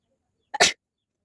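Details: Single sharp sneeze with a brief catch of breath before the burst, deliberately induced with a stick during a sneezing challenge.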